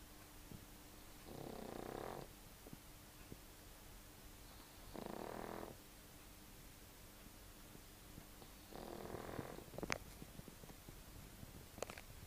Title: pug sleeping and snoring